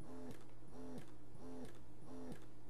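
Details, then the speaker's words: Lansinoh Affinity Pro double electric breast pump on a faster suction level after cycle change: regular mechanical whirring pulses, about four in under three seconds; electric breast pump running. "so this right here it's it's extracting more it's like it's pulling it"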